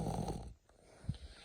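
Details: A sleeping dog, passed out, gives a low, rumbling snore, then a brief soft snort after a pause: snoring.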